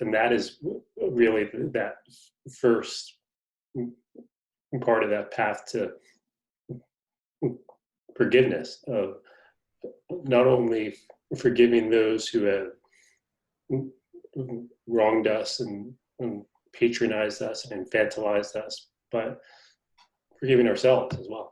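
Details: Stuttering in an adult man, a magazine reporter who describes himself as a person who stutters, speaking in conversation.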